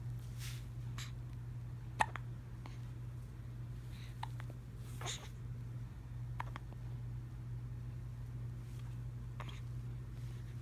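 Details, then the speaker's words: 17-day-old newborn: brief sharp hiccup sounds, several over ten seconds at irregular gaps, over a steady low hum: normal infant hiccups. "Oh, you have hiccups, baby."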